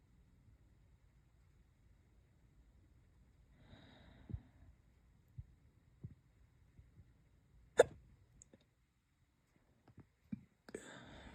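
Several brief, sharp gulping clicks spaced a second or more apart in a quiet room; hiccups.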